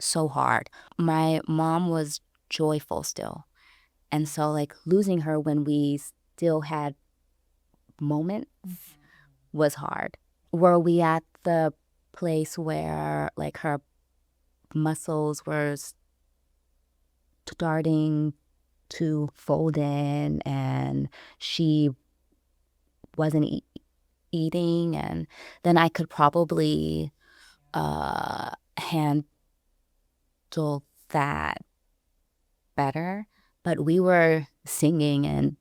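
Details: Adult woman, a caregiver, who self-identifies as a person who stutters, speaking in conversation; transcript shows gaps between phrases; stuttering.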